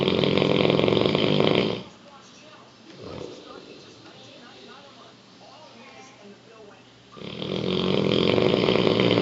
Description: English Mastiff "Rocky" snoring keepin everyone awake